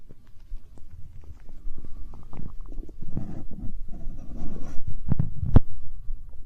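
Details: Hunger-related stomach growling (borborygmi): low gurgling, rumbling bowel noises in irregular bursts and squelches.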